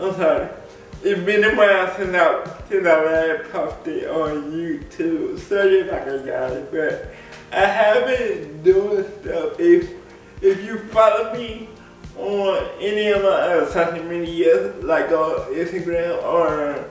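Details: Adult man with cerebral palsy speaking in a video blog; dysarthric speech (cerebral palsy).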